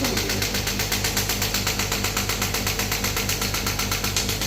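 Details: Demo of a new-model shock wave therapy machine firing rapid, regular sharp clicking pulses, about four per second, at a preset count, on the operator's hand after he lowered the frequency and power because it pricked.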